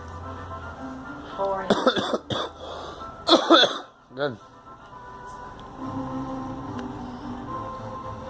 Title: Coughing